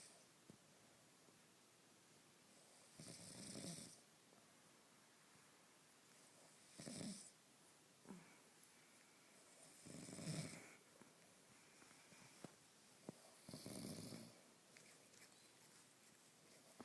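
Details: Moe the pet snoring: rhythmic rattling snores about every three to four seconds, roughly 18 a minute, in a quiet room.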